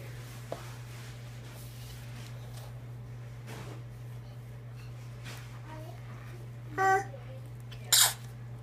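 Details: Sneezing: in a quiet room, two short sharp explosive sneezes close together.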